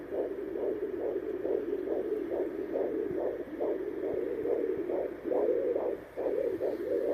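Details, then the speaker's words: Fetal heartbeat heard by home fetal Doppler in the first trimester: rapid, regular whooshing pulses, roughly 140 beats a minute, normal for pregnancy. "stay tuned and we'll see if baby wants to cooperate and let you all hear its heartbeat"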